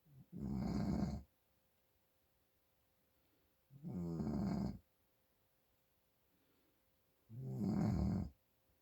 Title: My Dad snoring from congestion